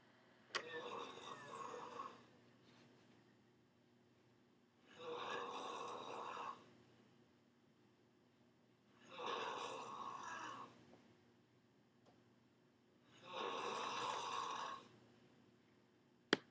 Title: snoring, with cat snuggling his bum